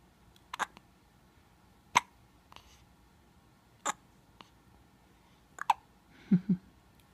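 Sharp, abrupt hiccup sounds repeat about every two seconds in a quiet room, about five in seven seconds. Ordinary hiccups.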